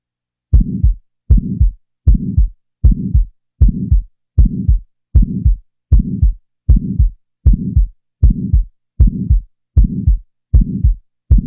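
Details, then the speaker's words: Simulated heart sounds, about 78 a minute, in a teaching example: an ejection click is introduced, then a systolic ejection murmur is added. A sharp early click opens each beat, followed by a rising-and-falling systolic murmur. "in the next example an ejection click will be introduced and then a systolic ejection murmur will be added now the murmur will be"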